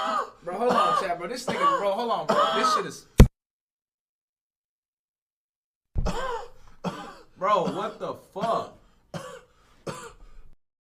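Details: Streamer makes strained, voiced vocal bursts for a joke, then after a pause breaks into about six short, harsh uncontrollable coughs; coughing fit.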